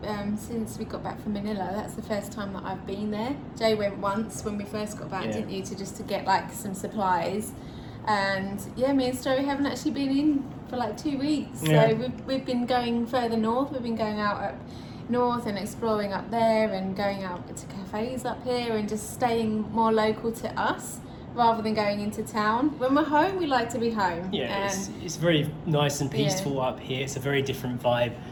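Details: Adult woman speaking; ordinary speech.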